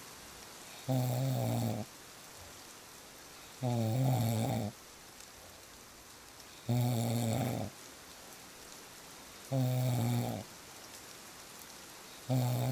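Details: Real snoring recording: five regular, deep rattling snores, about 21 breaths a minute, over steady rain; snoring.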